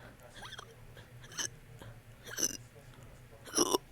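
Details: Three short, sharp hiccup bursts about a second apart, each with a small burp-like release, in a quiet room; hiccups with burps.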